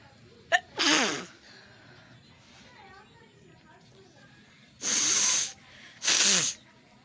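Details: Sneezing after getting soaked in rain and catching a cold with runny nose: three sharp explosive sneezes in quick succession, a short intake of breath before the first; sneeze.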